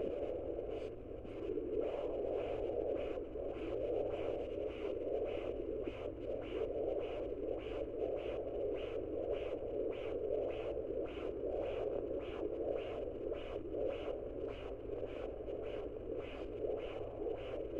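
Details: Woman about 5 months pregnant using a fetal Doppler, probe on the other side of the abdomen: rapid, regular whooshing fetal heartbeat, about 150 a minute.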